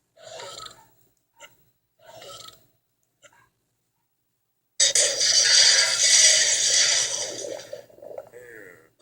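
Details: A few short throaty bursts, then one long, loud, rumbling belch lasting about three seconds; burping.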